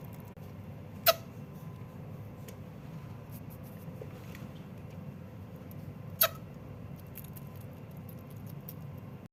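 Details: Sugar glider hiccuping while eating: two sharp, brief clicks about five seconds apart over soft eating noises.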